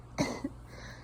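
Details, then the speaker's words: Acted cough in a roleplay of a sick girlfriend who says she has been sneezing and coughing all day: one short, soft cough followed by a small catch. "i've been sneezing and coughing all day i haven't had any soup because i can't get up to make it"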